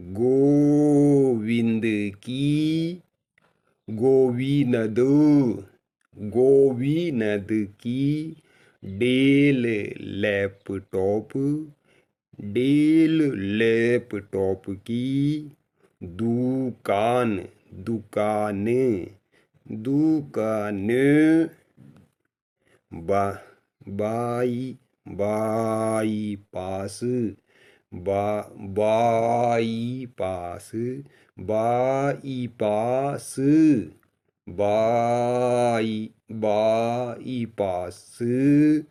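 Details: Adult male speaker, imitated; voluntary stuttering (deliberate syllable and word repetition).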